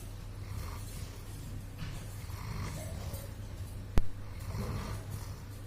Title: Doberman Snoring Funny Max snoring